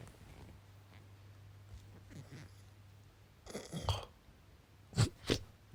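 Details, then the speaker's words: Adult man recorded while asleep: quiet breathing over room hum, then loud pig-like snorting attempts to inhale, consistent with obstructive sleep apnoea snoring. "like a pig so and what is that's me attempting to inhale this is some intimate audio you're hearing"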